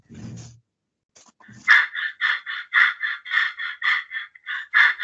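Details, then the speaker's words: Respiratory semiology teaching example of Biot's breathing: after a pause of about a second, quick, shallow breaths start abruptly and run in an even, rapid series, with pauses followed by re-acceleration. "pausa y vuelve a acelerarse. Entonces ahí tenemos una característica, ¿no? La pausa y se vuelve a acelerar."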